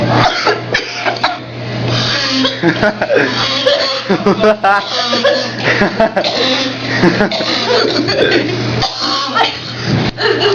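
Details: Adult friend coughing after prom, with laughter and talk over a steady background hum; repeated coughing bursts, remark about throwing up: cough.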